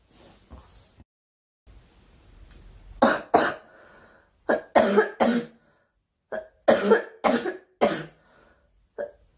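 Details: Several short, sharp, dry-sounding coughs from a girl in quick clusters with brief pauses, some like throat clearing.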